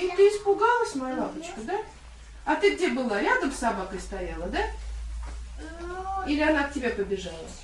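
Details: Woman speaking Russian to a young child, small room; fluent speech.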